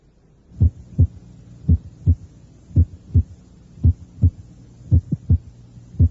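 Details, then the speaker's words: Mid-systolic click at the mesocardial area in a teaching recording: normal paired heart sounds near 56 a minute, then a short extra click is introduced between the first and second sounds. "eso fue un chasquido mes o sistólico los ruidos cardíacos son normales"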